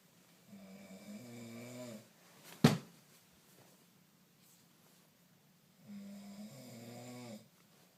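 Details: Man snoring: two long, low, buzzing snores on breathing in, with a sharp knock between them.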